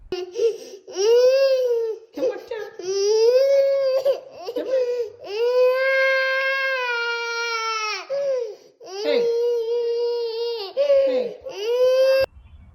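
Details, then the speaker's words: A baby cries. Loud, sustained, repeated wailing with brief breaths between; ordinary distressed infant crying in a small room. "Yep, that's the crying child."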